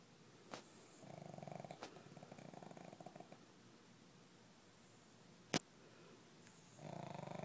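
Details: A sleeping pug in a quiet room makes soft, fluttering, rattling breaths on inhalation, with a few clicks; snoring.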